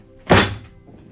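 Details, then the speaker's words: Chiropractic adjustment of a misaligned pelvis using vertical SOT blocks and a drop table; a single loud, short thunk from the table section dropping, described as very light on the patient. "and then I'll prop the table up and the table will make a loud noise but really not much on the patient at all very light on them"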